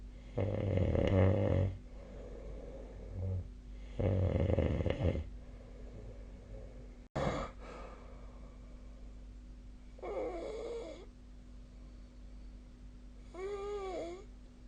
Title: 🐽 本日のイビキ / Snoring Sleep Sound 2025/01/31